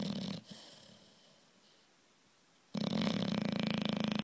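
Loud, rough, rattling snore with fast fluttering vibration, a quiet pause, then another noisy snoring breath; bulldog snoring.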